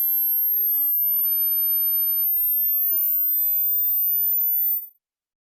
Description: Check from the lowest to highest frequency voices till where you can hear